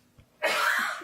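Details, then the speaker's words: Cough from an adult in another room: a single harsh, noisy cough burst heard at a slight distance in a quiet room. "okay if you can hear that that's nigel coughing in in the front room so he's supposed to be coming down here helping me"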